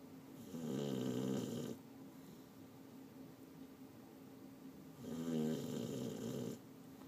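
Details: Sleeping deeply: two long, rattling snores on inhaling with quiet pauses between, about 13 breaths a minute; ordinary snoring.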